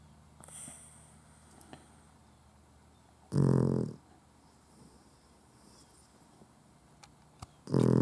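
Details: Puggle dog snoring while asleep with eyes open: loud, rough, low snores on two breaths about four seconds apart, with quiet breathing between.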